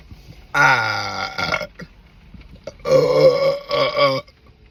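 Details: After drinking diet lemon-lime soda: two long, loud, deep rumbling belches, each about a second and a half; ordinary burping from gas.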